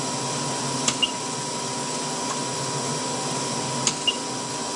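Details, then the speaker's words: Bear 1 adult mechanical ventilator running in control mode at rate 20, tidal volume 375 mL, minute volume 7.5 L/min: steady mechanical hum and hiss with a few soft clicks. "All right, I'm gonna turn the ventilator on at the previous setting and see what this machine will show us."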